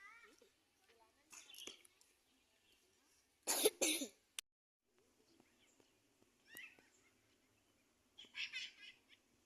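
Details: Cough from a child said to be skipping practice because of coughing: a short burst of two or three coughs, with quiet talk and outdoor sounds around it.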